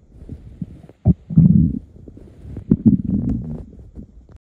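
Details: Man's stomach rumbling from morning hunger before eating: low, bubbly gurgles and rumbles, the normal churning of an empty gut (borborygmi).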